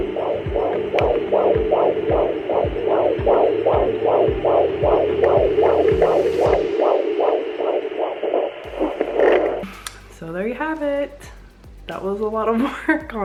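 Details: Fetal heartbeat at 16 weeks of pregnancy, found at home with a baby Doppler pressed hard on the belly: rapid, regular whooshing pulses at about 150 per minute.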